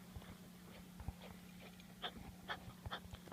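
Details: Miniature dachshund with vet-diagnosed bronchitis, coughing and wheezing badly before antibiotic and cough-medicine treatment and full recovery; canine bronchitis cough and wheeze.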